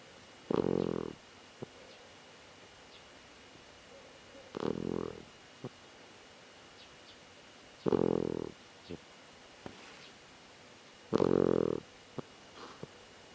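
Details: Cat sleeping in an awkward face-down position, unusually snoring: short, soft snorts on each inhalation, about eighteen a minute, in a quiet room; snoring.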